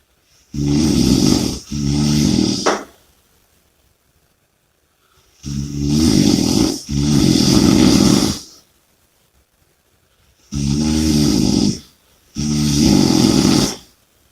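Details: Loud, rough snores on both breathing in and out, in paired bursts with quiet gaps; heavy snoring and heavy breathing during sleep.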